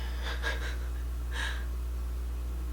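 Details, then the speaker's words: Pet snoring: two soft, noisy snorting breaths over a steady low room hum. "You can hear Rue snoring, but she is."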